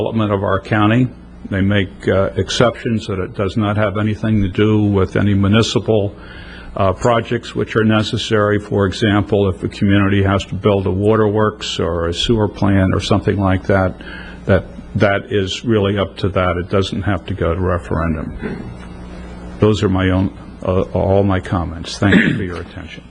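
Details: Adult man speaking at a public meeting; Normal adult male speech.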